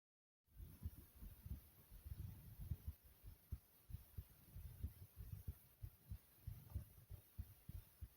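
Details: Own smooth, soothing heartbeat: steady low, soft thumping at roughly 90 beats a minute, even and regular, a normal heartbeat.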